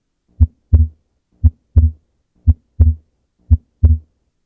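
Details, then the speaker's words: Physiological splitting of S2 in a teaching recording: slow regular heartbeat with crisp S1 and an S2 that splits into A2 and P2 on inspiration and merges into a single sound on expiration; normal finding. "In contrast, during expiration, the P2 sound occurs closer to the A2 sound, and in some instances it occurs so close to the aortic valve closing that it combines to form a singular S2 sound."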